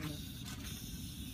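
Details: Tracheostomy suctioning of a patient on humidified oxygen, oxygen saturation about 89–90% between suction passes: a steady airy hiss over a low rumble as the suction catheter draws air through the trach.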